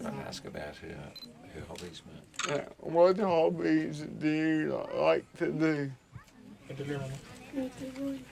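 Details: 32-year-old man with cerebral palsy present since birth, dependent on 24-hour care; slurred speech that worsens when he is tired; dysarthria (cerebral palsy).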